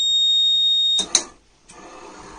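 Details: Ventilator alarm from a prototype motorized Ambu-bag ventilator: a steady high-pitched electronic alarm tone that cuts off with a click and a brief noise.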